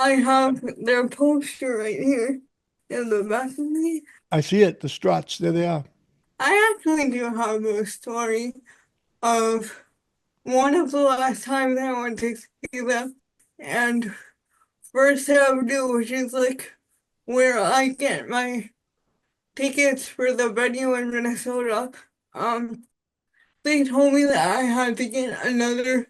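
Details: Dysarthria in an adult woman with spastic quadriplegic cerebral palsy since birth, with high muscle tone in all four limbs; she says voice assistants struggle to recognize her speech.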